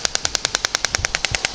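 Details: Shock wave therapy of an athlete's Achilles tendon, head moved up and over the swelling: rapid regular sharp clacks about ten per second as the device fires.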